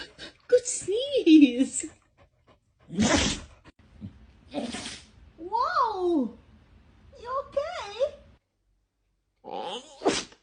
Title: Dog sneezing like it’s a comedy show #funnydogs #dogsneezes #cutepets #doglife #pethumor